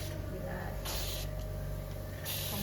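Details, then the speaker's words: Nasal airway suctioning through one nostril with a suction catheter: steady motor hum with bursts of hissing air as secretions are drawn; each suction pass lasts no more than 15 seconds. "kemudian sudah kita tutup kita 3 C sambil Diar satu kali penghisaban ini tidak boleh lebih dari 15 detik"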